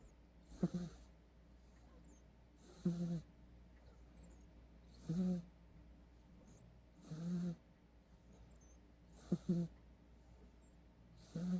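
Loud rhythmic snoring from a sleeping cat, a low rattling sound on each breath, about 27 a minute, with a quiet room behind.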